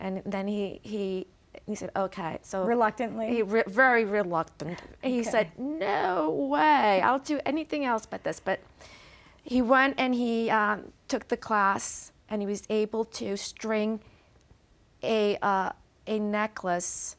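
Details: Aphasia in an adult after a stroke; real, not acted.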